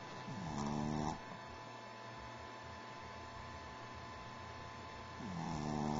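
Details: Sleeping pup snoring: low, buzzing snores on two in-breaths about five seconds apart over steady room hum; snoring in a sleeping dog.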